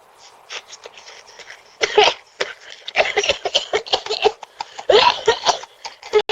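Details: Cat coughing and choking after eating chili powder: repeated harsh, wheezy coughs and gagging bursts from an irritant: cough and choking.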